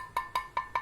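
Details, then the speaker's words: Simulated cracked-pot percussion note of the upper teeth in a Le Fort II midface fracture: four dull tapping knocks with a hollow, rattly ring, unlike the solid sound heard without a fracture. "So the cracking pot sound will be heard like this. There will be a cracking in the voice."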